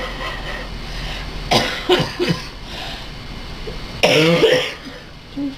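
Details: A few short cough bursts mixed with laughter against room noise as a man laughs at narration; ordinary laughing cough.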